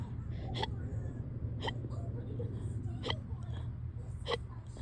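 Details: Run of tiny, very fast hiccups, about one a second (~50/min), in a person with hiccups on and off since the previous day; four quick sharp hiccups over low background hum.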